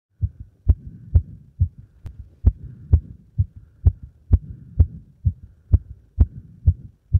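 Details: Heart sounds after leapfrog exercise: fast, regular thumping heartbeat around 128 beats a minute; a normal quickened rate after exertion.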